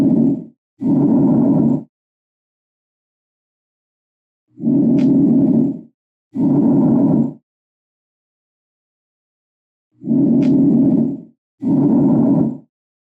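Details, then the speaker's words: Normal bronchial breath sounds auscultated over the manubrium: loud, high-pitched, harsh, tube-like airflow, expiratory phase louder and longer than inspiratory, with a clear pause between the two phases. "son intensos y agudos y se oyen como si fueran fuertes corrientes de aire a través de un tubo el componente espiratorio es más intenso y prolongado que el respiratorio"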